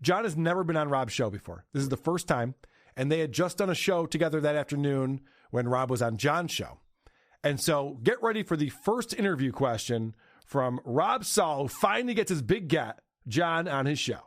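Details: Adult male speaker; Normal fluent speech.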